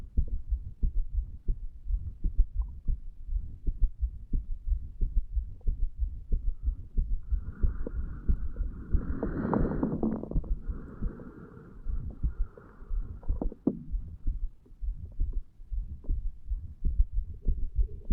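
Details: A 35-year-old male records his own heart at the mitral area while lying in bed, a few hours after going to bed, with alcohol effects: low thumps about 92 a minute, uneven with pauses; skipped beats.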